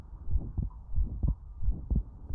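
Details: Child with atrial septal defect: widely split, fixed second heart sound (S2).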